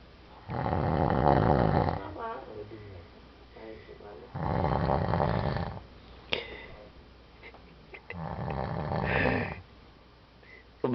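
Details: Snoring during sleep: loud, rough, fluttering snores about every 3.5 to 4 seconds, with quieter breathing between them and faint room noise.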